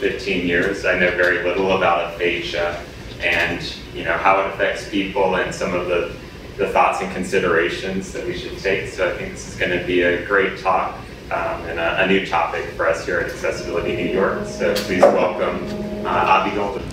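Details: Adult male speaker; typical speech.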